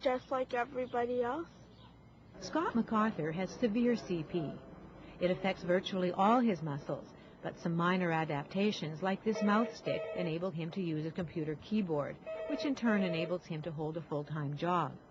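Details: Adult female narrator; ordinary speech.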